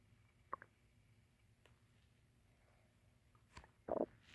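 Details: Quiet room with faint clicks, then a short louder gurgling rumble near the end: stomach growling (borborygmi) from hunger.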